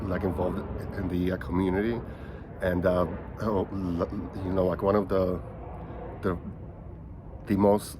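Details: Stuttering in a 37-year-old man who has stuttered since age five; he says he sounds choppier here because he is nervous recording on his phone.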